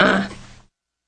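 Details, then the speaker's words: Well-fed baby described as a coughing, grunting kid gives a single short throaty grunt with a rough cough-like onset that fades quickly; ordinary infant grunting. "But as we can see, this is the coughing, grunting kid."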